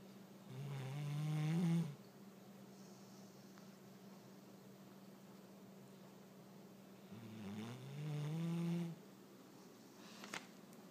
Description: Roxie lab snores